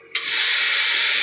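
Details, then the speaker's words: Air compressor of a Dhaman ventilator switched on during ventilator setup: a click, then a loud steady rushing hiss as air flow builds, a normal start-up of the ventilator air supply. "Compressor यहां से on करेंगे"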